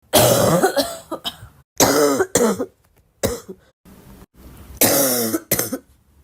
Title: i really love my own cough… is that normal?